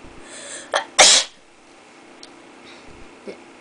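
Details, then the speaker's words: Person deliberately induces repeated sneezing by tickling inside the nose with a twisted paper towel; short in-breath then one loud, sharp, hissing sneeze burst, followed by quiet room noise. "I'm just gonna keep sneezing sneezing yeah afterwards you start to cheer up man"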